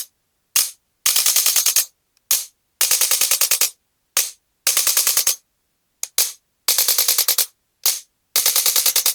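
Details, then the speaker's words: Male patient with L3–L4–L5–S1 disc bulges and bilateral sciatica: bursts of rapid sharp mechanical clicks as a handheld adjusting gun is applied to the stuck right kneecap and used to activate marma points. "ఈ మర్మ పాయింట్లు కూడా మనం ఈ గన్తోటి యక్టివేట్ చేస్తాం అన్నమాట"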